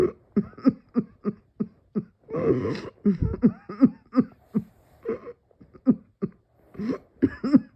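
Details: Sustained coughing fit: rapid run of about twenty short, forceful coughs with brief gasping breaths between; person felt dizzy, as if about to pass out.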